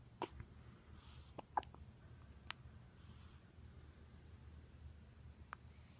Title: Baby hiccups